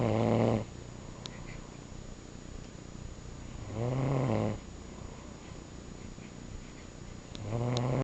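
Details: Male animal snoring continuously in sleep: slow, rumbling snores, roughly 16 a minute, in a quiet room; snoring.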